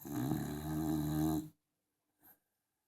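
One long, loud, vibrating snore on a breath, then a brief soft exhale; loud snoring in a small dog.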